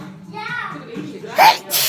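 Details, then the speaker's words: A single sneeze at a party, a rising drawn-in "ah" then a sharp, hissing burst of air, from a person who has been sneezing repeatedly. "which is a little bit annoying actually because i'm at the party and i'm sneezing so i'm taking my weight away i'm taking myself away a little bit so people can't see me sneezing"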